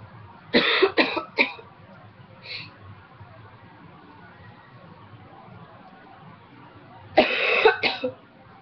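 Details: Dry cough during a cold in a former smoker who quit almost 2 years ago: two bouts of harsh, non-rattly coughing, about five coughs in all, with quiet between.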